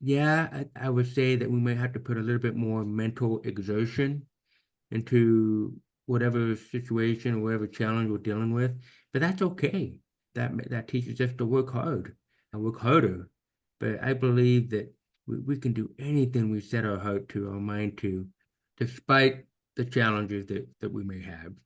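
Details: Man almost 50 with severe to profound hearing loss since birth, diagnosed at age 2, orally trained with about 13 years of speech therapy; finding: deaf speech.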